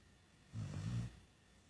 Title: Putush(dog) snoring like humans!!!